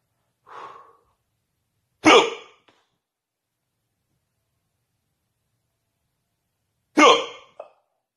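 A soft breath, then two abrupt, sharp gulping hiccups about five seconds apart in a quiet room.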